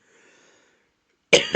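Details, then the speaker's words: A single loud, abrupt cough into a microphone after a brief quiet pause, from an adult still recovering from a massive cold: cough. "Excuse me. Sorry. Probably shouldn't cough on the mic."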